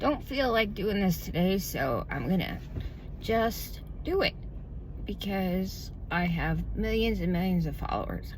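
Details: Adult woman with self-reported spasmodic dysphonia, diagnosed about 2–3 years ago, which she says tends to progress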